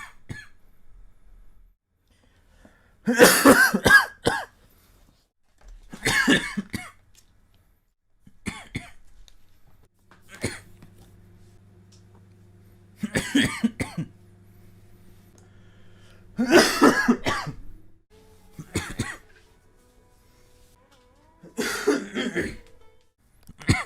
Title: 3minutes of coughing compilation